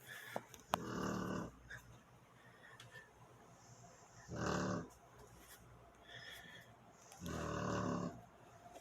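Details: Loud snoring from a sleeping 12-year-old female blue nose fawn brindle pitbull that the owner says snores louder than humans: snoring.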